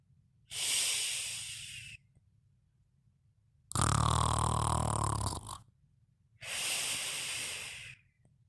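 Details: Sleeping snoring: three noisy sleep breaths in a quiet room with hissing airflow, the middle one a deeper rattling snore.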